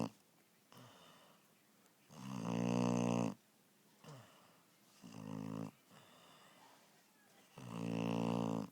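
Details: Puppy (Evie) sleeping: loud rumbling snores on each in-breath with softer out-breaths between; snoring.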